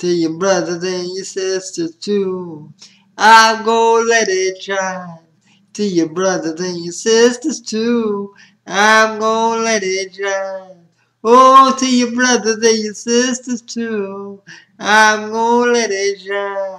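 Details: Spastic dysarthria in a man with spastic quadriplegic cerebral palsy.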